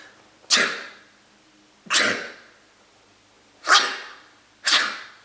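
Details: Four sharp, explosive nasal bursts a second or so apart, each fading quickly, a gross-sounding sneeze attack; run of sneezes.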